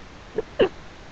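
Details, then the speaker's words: 18-year-old female with Tourette syndrome demonstrating a simple vocal tic: two quick sniffling nose and throat noises, one of several vocal tics alongside humming and breath-holding tics. "I have a couple vocal tics. I have one where it's kind of like a sniffling noise. I go"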